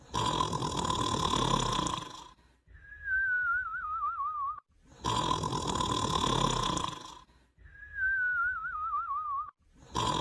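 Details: Sidney snoring: harsh rattling snores on inspiration, each followed by a wavering high-pitched whistle on expiration; snoring with whistling.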